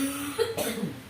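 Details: Person with an unusual cough being treated with ruqyah and massage: a single short, harsh cough burst with throat noise, heard against a faint hum and nearby prayer recitation.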